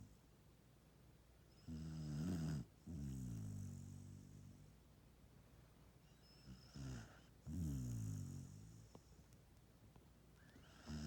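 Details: Dog snoring while asleep after a hard day: low, rattling snores in paired inhale and exhale bursts, with quiet gaps between breaths.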